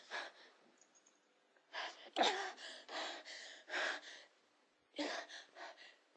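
A series of about a dozen short, harsh, breathy cough bursts in quick runs, acted by adult women; acted coughing.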